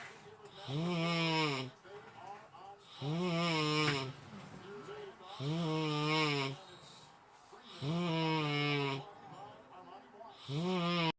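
Loud, tonal, buzzing snores repeat at about 25 breaths a minute, each lasting around a second with quieter in-breaths between: steady rhythmic snoring.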